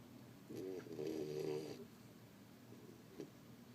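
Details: Female dog snoring deeply enough to be mistaken for TV bass: one soft, fluttering snore lasting about a second in a quiet room, then a faint snort.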